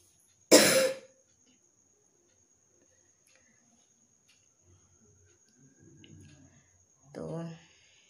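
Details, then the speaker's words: Person coughing a lot after days of outings, no cold but a hoarse, intensely tickly throat, cough keeps them awake at night: one sharp, forceful dry cough, soft breathing, then brief throat-clearing. "তো কাশি হচ্ছে ভালোই, কালকে রাতে তো ঘুমাতেই পারছি না, যেই ঘুমাতে যাচ্ছে অমনি কাশি শুরু হয়ে যাচ্ছে।"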